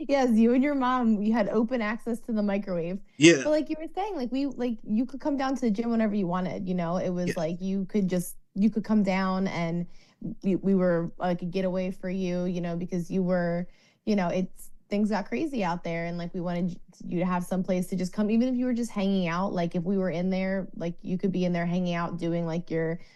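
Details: Adult woman speaking, likely a speech therapist in conversation; ordinary conversational speech.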